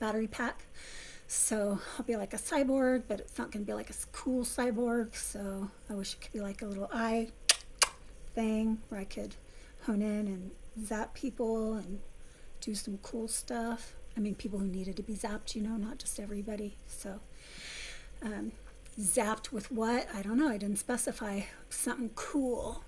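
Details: Adult woman with essential tremor since childhood, affecting her vocal cords for about 3–4 years, before focused ultrasound treatment; a voice-loss-causing medication had left her near-whisper, substantially better after stopping; essential voice tremor.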